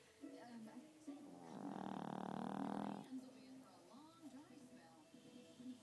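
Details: Female chihuahua snoring while asleep: one loud, buzzy snore of about 1.5 seconds, with quieter snuffling breaths and faint background sounds around it.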